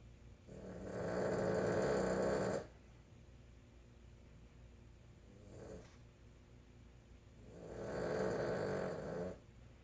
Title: Boston Terrier Snoring